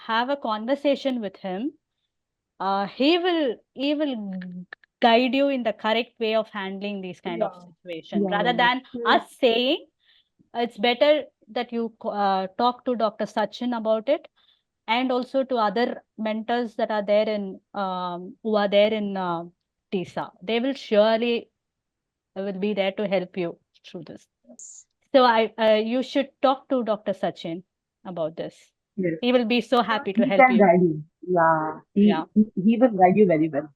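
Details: Adult woman who stammers openly (overt stammering) and also has hearing loss; stuttering.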